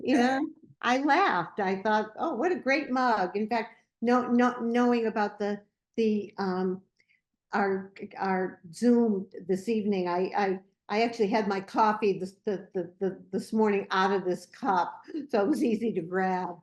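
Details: Older adult in a discussion group for older adults who stutter; repetitions of 'I': stuttering.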